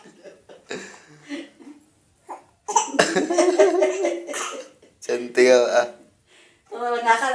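An adult gives deliberate coughs, and a baby answers with bursts of giggly laughter.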